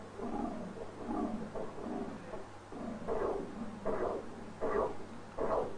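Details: Soft, gently undulating whooshing flow with mild rhythmic swells that vary with respiration: normal portal vein Doppler signal, steady flow toward the liver, recorded by convex probe at a low insonation angle.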